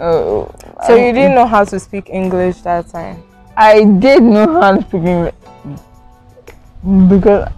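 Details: Adults in conversation with background music; conversational speech.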